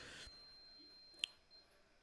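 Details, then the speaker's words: Apex locator giving a faint, steady, high-pitched whine, "solid at the apex," as a 31 mm file reaches length during working-length determination in root canal treatment of a permanent mandibular molar with a radix entomolaris. "so there's my apex locator whining in the background solid at the apex"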